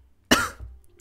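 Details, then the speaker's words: Adult with an unusually annoying cough that began about two weeks ago with a runny nose; a single harsh, dry cough burst with a brief trailing breath afterward. "hello everyone and welcome back to another schnuck 2 video today's video is about my extremely annoying cough"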